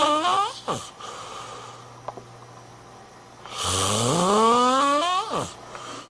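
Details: Loud, long rising snores with a whistling, moaning tone, separated by quieter breathing during sleep: snoring.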